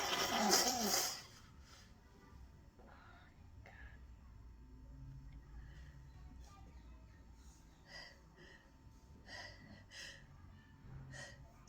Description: Really wanted to do some work but the weather keeps making me sneeze!